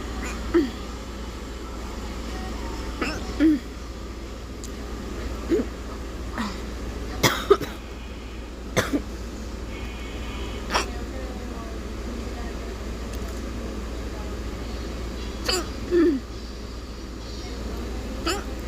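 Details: Short, abrupt coughs from choking, with recurring hiccups over a steady low background hum and other background sounds.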